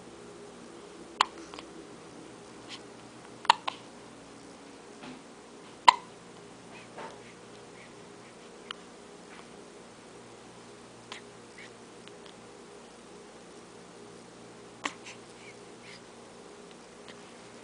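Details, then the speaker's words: Child (name omitted) with hiccups: soft, brief hiccup sounds recurring every few seconds in a quiet room while the child wakes, fussy. "Good morning,. has the hiccups."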